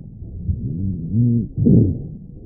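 Low-pitched, snoring, rumbling sounds run through the breaths, loudest in two swells with a brief gap between them. These are rhonchi, coarse continuous sounds from secretions in the larger airways, common in bronchitis and pneumonia.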